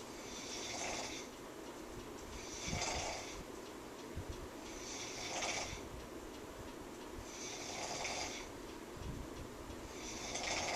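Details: Loud, rough snoring at about 24 breaths a minute, with a rattling noise on each breath over a steady background hiss; snoring.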